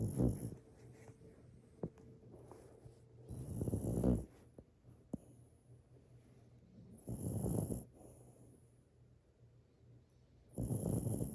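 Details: Sleeping dog: soft, rough snoring breaths roughly every three to four seconds, with quiet pauses and a faint steady room hum; snoring.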